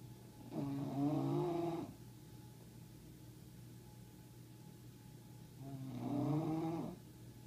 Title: Darla the bulldog, snoring